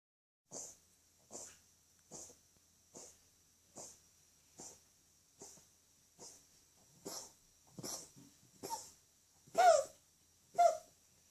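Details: A male cat coughs in a run of about thirteen short, harsh coughs, roughly one a second, growing louder. Episodes last a few minutes about twice a day and are worsening, with more vomiting. A vet examined him with a stethoscope and said his organs were fine; the cause is unknown.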